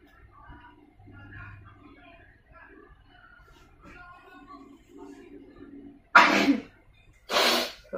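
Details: Adult gives two loud, forceful sneezes about a second apart after soft low murmuring; sneezing.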